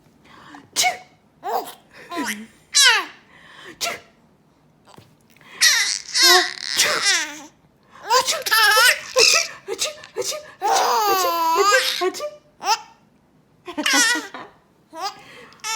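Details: Adult mother making sharp sneeze-like "achoo" bursts, answered by an infant's squealing laughter; sneezing.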